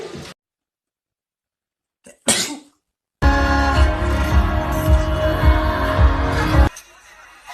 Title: #Armygirl💜 Maknae Line sneezing 💜😂!!!